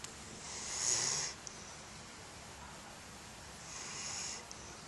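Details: Dog sleeping at 3 a.m. gives two soft, airy, hissing snores about three seconds apart in a quiet room; snoring.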